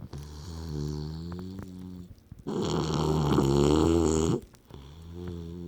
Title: More snore